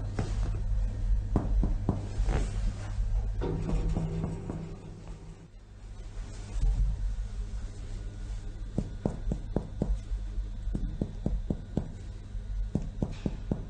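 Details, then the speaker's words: Chest percussion demonstration: one hand's finger laid in an intercostal space along the ribs, struck with the other hand's finger; short hollow taps compared bilaterally and symmetrically over the lungs. "pour la percussion il est important que la main épouse la paroi thoracique le troisième doit doit être dans laxe des côtes dans l'espace intercostal et avec l'autre main enfin mouvement une touche de piano pour percuter l'examen et bilatérales et symétrique"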